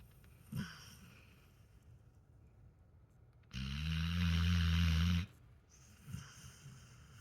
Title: Snoring Pillow Thief! 😴 Gus has no shame🤦😂❤️ 🐕 🐾